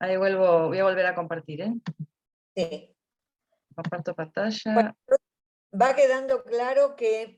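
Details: Adult speaker; normal speech.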